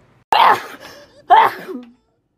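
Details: Girl at a pool sneezing after sniffling: two quick sneezes in a row, each a sharp burst with a short voiced tail.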